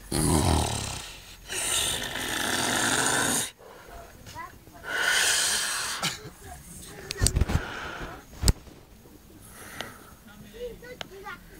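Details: Loud, rough, noisy snoring breaths recurring during sleep: a few heavy snores followed by quieter breathing, with some room noise; snoring.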